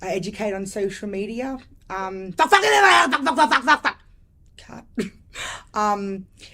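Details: Adult woman with lifelong severe Tourette syndrome diagnosed at age five, real, involuntary swearing vocal tics interrupting speech; Tourette syndrome vocal tics (coprolalia).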